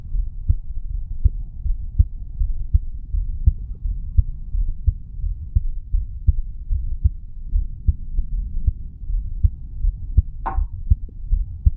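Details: Heartbeat of a 35-year-old male after weight training, self-recorded over the mitral valve area: regular, low thumps at about 80 a minute over faint rumbling, with one brief noise near the end.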